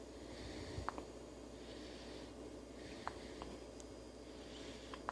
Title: Baby Hiccups